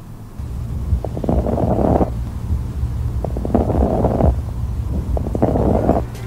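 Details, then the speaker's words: Imitated lung crackles for teaching stethoscope use: three bursts of bubbling, popping sound made by blowing through a straw into water, representing fluid or blood in the lungs. "This is called crackles. The sound of crackles occur when a person has liquid or blood in his lungs."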